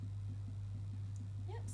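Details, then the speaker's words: Doppler over a pregnant patient's abdomen with gel at a palpation check: quick, regular fetal heart pulses under a steady low hum, rate earlier counted at 140 bpm (normal 110–170); normal fetal heartbeat. "so it maybe a little bit cold because there is gel on it so I'm just going to try find your baby's heartbeat again for you to"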